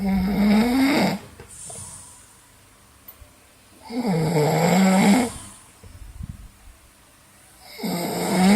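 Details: Deliberately imitated snoring in a snoring challenge: loud, rattling snores on each in-breath, about 15 a minute, with quiet exhalations between.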